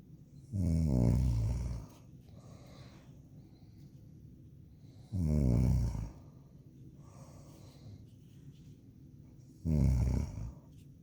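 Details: Girl snoring heavily: loud, deep, rattling snores about every four to five seconds, with quieter breathing between them.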